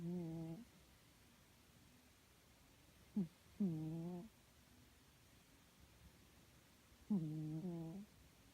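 Intermittent humming, tonal snores from a sleeping cat, about 17 a minute, with quiet gaps between; ordinary harmless snoring.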